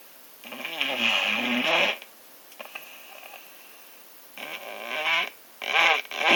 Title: Snoring when your sick